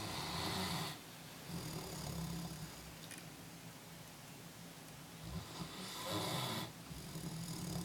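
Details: Animal snoring during sleep: low, rumbling, vibrating breath sounds alternating with hissing exhalations in slow cycles.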